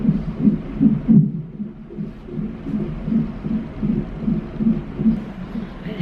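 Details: Fetal heartbeat on monitor at 26 weeks in labor and delivery, high-risk pregnancy with shortened cervix, mother having mild cramps; rapid whooshing pulses, roughly 150 beats a minute, a reassuring rate.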